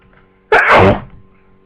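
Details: Person with flu for 2 days, newly sneezy: single sudden explosive sneeze with a sharp burst of air in a quiet room.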